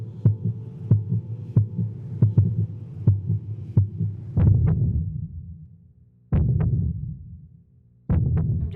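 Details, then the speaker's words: Fetal heart monitor at 39 weeks in a sixth pregnancy: rapid, regular whooshing thumps, about 150 a minute, over a hum. The rate ran high when the baby moved and dipped back to normal at rest. "e time they also gave me like this button thing to push every time the baby moved um so I was pushing it like the whole time because she was moving so much and I could hear the heart rate going really high"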